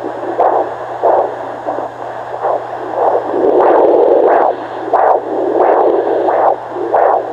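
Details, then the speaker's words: Fetal heartbeat at 18 weeks of pregnancy picked up on a Doppler: rhythmic whooshing pulses over steady hiss and hum, possibly mixed with placental and umbilical cord flow. "there's the heartbeat there's the baby's heartbeat oh"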